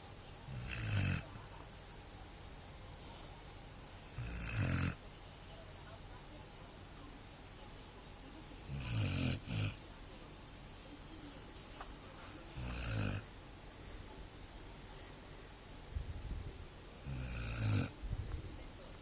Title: Dog and owner snoring